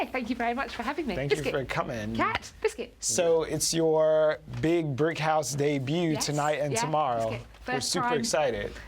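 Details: Two adult women talking; conversational speech.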